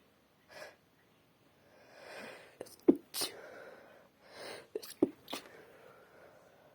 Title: Wet sneezing into a tissue (F)